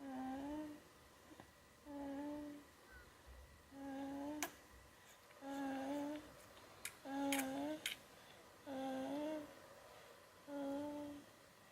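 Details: 4-month-old infant snoring: soft, regular voiced snores with each breath, about 36 per minute, in a quiet room.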